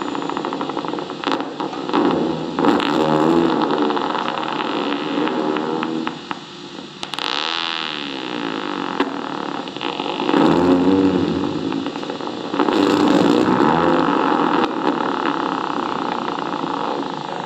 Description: EMG myotonia has characteristic pattern and sound, a typical divebomber sound is heard instead of electrical silence while the recording needle inserting into muscle at rest.